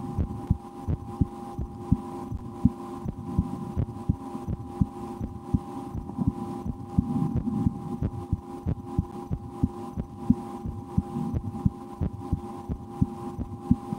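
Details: Self-recorded heartbeat through a stethoscope for relaxation, steady at about 100 beats a minute over a hum and faint stomach rumbling after lunch; breath holding and efforts to speed the heart; normal heart sounds.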